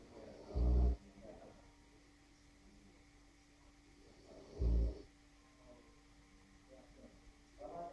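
Deep, low snorting snores about every four seconds from a sleeping large dog, with quiet breathing between them.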